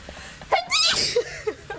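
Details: Adult housemate sneezing repeatedly while trying to stay still during a task with a wasp around: a single sharp, explosive sneeze with a brief voiced burst, faint room sounds after; sneeze.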